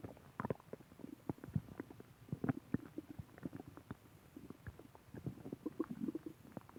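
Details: Bowel sounds (borborygmi).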